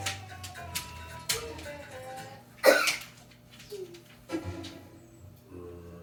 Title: cough